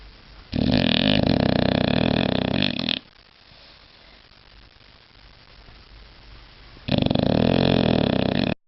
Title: British bulldog sleeping flat out snoring loud!!!!!! big zzzzzzzzzzzzzzzzzz